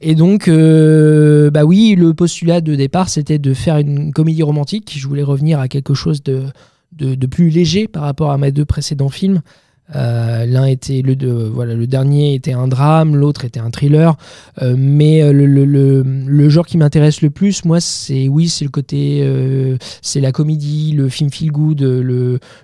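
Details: Stuttering in a 31-year-old man, not very audible now after much practice.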